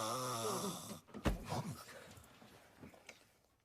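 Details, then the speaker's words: Sleeping man snoring loudly, likened by someone to a dying walrus; snoring. "Cagarme en todo tus muertos. que roncas como una morsa moribunda."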